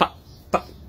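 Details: Vocal tic from an adult man with Tourette syndrome, heard while he introduces himself.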